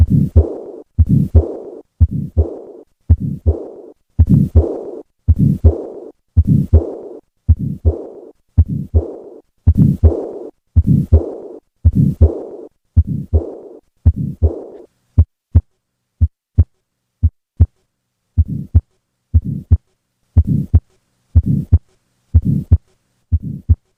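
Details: Heart auscultation recording of tetralogy of Fallot murmur.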